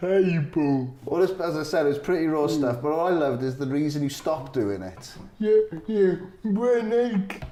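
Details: Adult male speaker; Typical speech.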